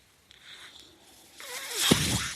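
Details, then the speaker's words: Quiet pause, then a rising rush of air with a faint whistling tone building to a loud hiss as the speaker's own mechanical ventilator delivers a breath during a podcast; mechanical ventilator breath cycle. "Hello everyone. That noise you're hearing is my ventilator."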